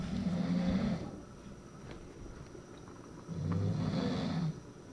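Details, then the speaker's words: Dog (Cha) snoring while asleep around 2 a.m.: two long, low, rattling snores about three seconds apart, with quiet breathing pauses between. "cuando pensamos que íbamos a poder dormir empezó a roncar también el cha cha roncando"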